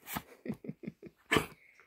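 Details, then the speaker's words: Older male dog coughing: a quick run of about six harsh, dry cough bursts in under two seconds. "oh he's coughing oh goodness oh my goodness he's coughing he's coughing he's coughing"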